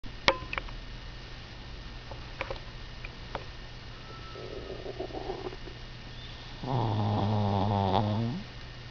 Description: Cute injured Chihuahua snoring like a big dog.